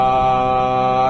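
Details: Young male with puberphonia sustaining the vowel "aa" on request during a voice therapy session: puberphonia (sustained vowel).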